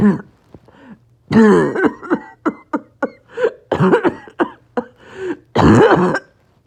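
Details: Loud, harsh, barking, choking coughs in a rapid back-to-back run, with strained gasps and extreme shortness of breath: a paroxysmal coughing spasm in a person with COPD and low oxygen.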